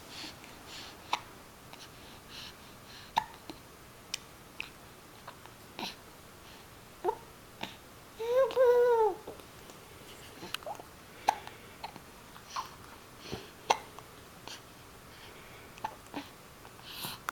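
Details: Talking with hiccups: repeated short, sharp hiccups about every one to two seconds in a quiet room, with one brief vocal sound midway.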